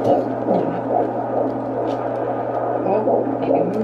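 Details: Fetal heartbeat at a 17-week pregnancy appointment, heard by Doppler: rapid whooshing pulses at about 140 a minute over a steady hum, in the normal range.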